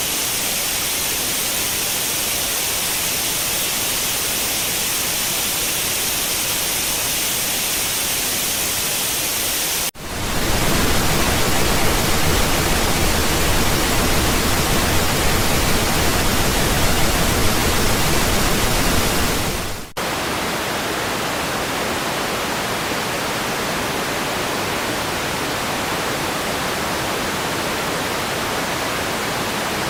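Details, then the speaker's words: Tinnitus sound therapy samples: three steady hissing noises, white, pink and brown noise, about ten seconds each, used for tinnitus masking. "What I'm going to do next, I'm going to play a few seconds of each pure sound therapy, like the white noise, pink noise, and brown noise."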